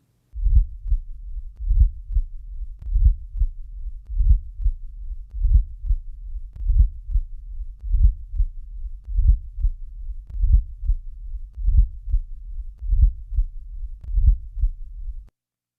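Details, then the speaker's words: Regular low heart sounds with a soft, low-frequency rumbling murmur in late diastole, timed with atrial contraction and running into the first sound. It is typical of mitral or tricuspid stenosis and best heard with the bell held lightly: a late diastolic (presystolic) murmur. "this murmur is low in frequency and rumbling in quality it is best heard with the bell lightly held"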